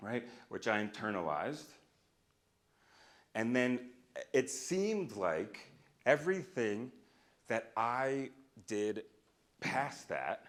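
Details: Adult man who stutters, a speech-language pathologist and stuttering researcher, speaking live at a keynote; he says he used to stutter overtly much more; stuttering.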